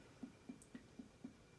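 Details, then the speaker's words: Abdominal assessment, patient with a bowel movement two hours earlier: finger percussion starting in the right lower quadrant and moving clockwise. Five evenly spaced, hollow, drum-like taps: tympany, the normal sound over the abdominal cavity. "hear timpani which is the normal sound that you hear over the abdominal cavity"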